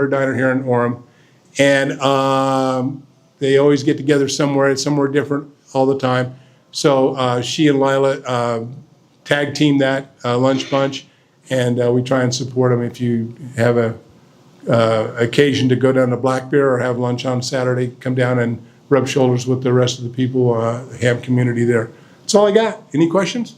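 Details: Adult man speaking; ordinary speech.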